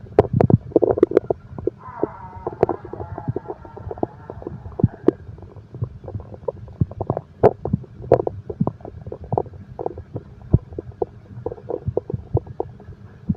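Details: Continuous gurgling and rumbling with frequent irregular pops and bubbling; active stomach growling, ordinary bowel sounds, presented as insomnia relaxation audio with heartbeat.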